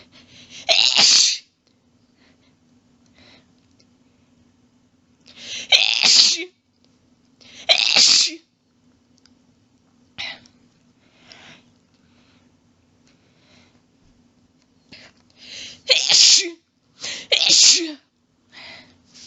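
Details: About seven loud, rapid sneezes in quick runs with short breaths between, from a female in a long sneezing fit of rapid quadruples, with some coughing from lost breath.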